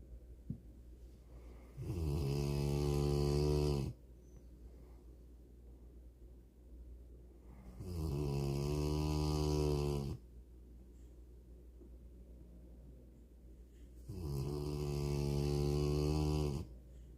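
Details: Male Rottweiler dog asleep, giving three long, loud, rumbling snores about every six seconds (roughly ten breaths a minute) with quiet room noise between them; snoring.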